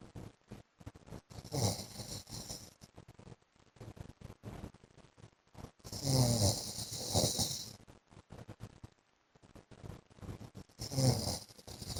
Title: 15 MINUTES MY HUSBAND'S SNORING SOUND